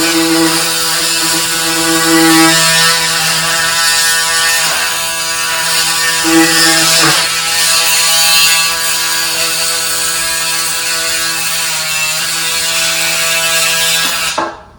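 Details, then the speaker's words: Powered bone saw removing bone from the humeral head on a sawbones shoulder model in a reverse shoulder arthroplasty demonstration: loud, steady high-pitched whine for about 14 seconds, then stops. "and then the first thing we'll do is take a little saw, and Blake's going to hold this still, and we're going to..."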